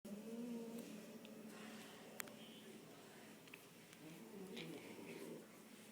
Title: Fat cat snoring